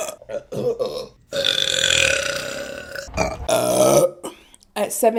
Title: Burping Compilation December #3 |